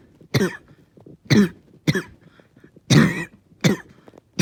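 Five forceful coughs in about four seconds with short breaths between, a sustained coughing fit.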